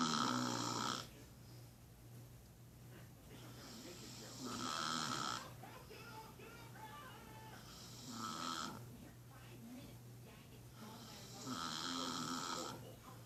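Repeated rough, rattling breathing noises in a quiet room, recurring every few seconds: snoring during sleep.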